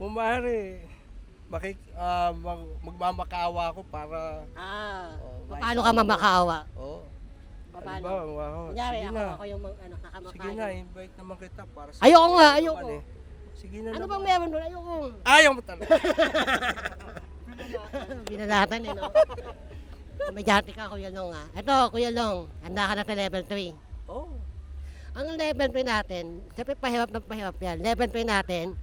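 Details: Host who self-identifies as 'ngongo' (nasal speech) asks a question in an interview game; hypernasal speech.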